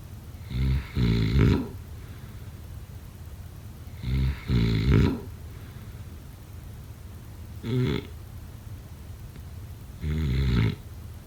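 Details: Four deep, rattling snores on inward breaths, about 17 per minute, with quiet breathing between: snoring.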